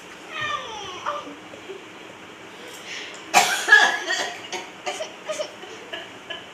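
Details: Grandmother's laughter breaks into a short run of harsh coughs, then quieter bursts as it settles; coughing brought on by laughing.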